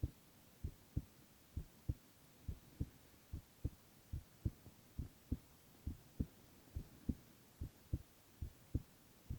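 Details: Male ASMR recording of heart sounds only, no talking: steady soft lub-dub heartbeat, regular rhythm at roughly 70 beats a minute over faint hiss; normal heart sounds.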